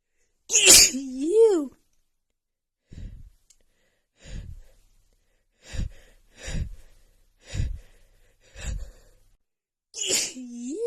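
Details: A female's super itchy sneezing attack: about six short, sharp sneezes in quick succession between louder voiced gasps and exclamations.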